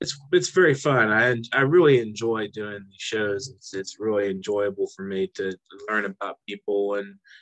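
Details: Adult speaker; ordinary speech.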